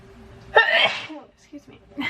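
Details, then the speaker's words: Allergy sneeze: one sharp, explosive sneeze, then brief quiet speech. "Okay, I just clicked. Hold on. I'm going to sneeze. Bless me."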